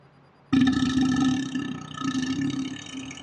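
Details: Man burping deliberately on his day off, played in slow motion: a long, low, rumbling burp with a steady buzzing tone; burping.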